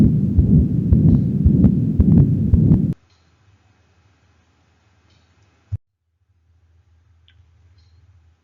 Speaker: and finally we'll listen to a continuous murmur this is a murmur that happens all the time and lasts throughout the cardiac cycle